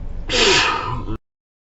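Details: A single loud, sharp sneeze, an explosive burst of air ending abruptly; sneeze attack.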